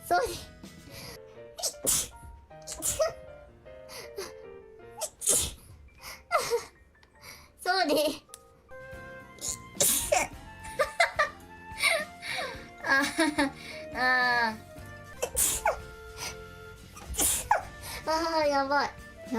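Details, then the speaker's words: A streamer sneezing repeatedly: several sharp, explosive sneezes between bursts of speech, apologies and background music. "I've been sneezing today. Sorry."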